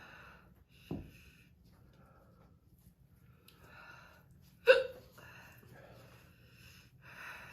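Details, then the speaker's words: Hiccups in a girl during a hot-pepper powder challenge, with sinus clearing, mouth and throat pain and an earlier coughing fit: two abrupt, short hiccup sounds about four seconds apart, with soft voice and room noise between. "I got a hiccup oh God the first time I did this I got hiccups too"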